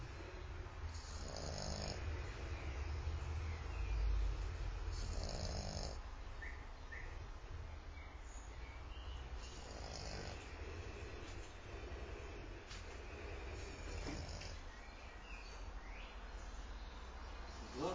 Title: French bulldog snoring